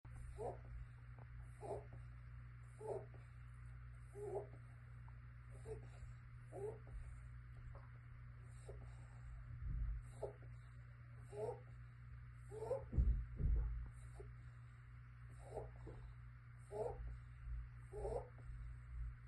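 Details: Emaciated six-month-old stray kitten, 2.68 lb, with pneumonia, chest fluid build-up, pancreatitis and suspected FIP: quick, rasping breaths at about 45 a minute with crackly, wheezy edge over a steady hum.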